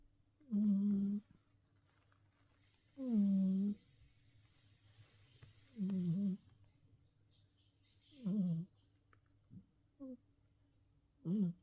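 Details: Snoring in a Himalayan Persian cat: loud, rough, voiced snores at about 23 per minute, somewhat irregular, with brief snorts between them.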